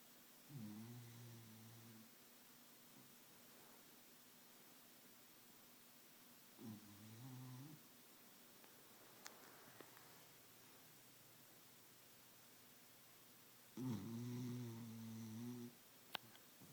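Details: Sleeping animal snoring: three soft, buzzing snores with long quiet gaps over a faint room hum.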